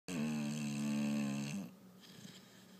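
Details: Bulldog sleeping soundly on a couch, snoring: one sustained, steady, buzzing tone lasting about a second and a half, then fading to quiet room noise; a single snore.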